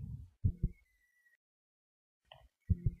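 Two deep lub-dub heartbeats, slow and separated by silence, played as a sound effect.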